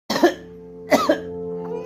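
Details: Two short, sharp coughs from a two-month-old baby boy over steady background music: infant cough.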